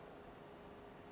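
Steady rushing hiss of gas as the oxygen flush fills the ventilator bellows during an anesthesia machine pressure test.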